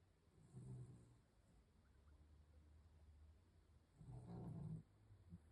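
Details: Snoring at night: two low, rough rumbling breaths a few seconds apart over quiet room noise; snoring during sleep.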